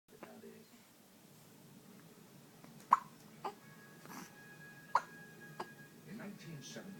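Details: Hiccups in a 6-week-old baby that began suddenly while watching TV: four brief, sharp hiccup sounds at irregular intervals over a few seconds, over quiet room noise.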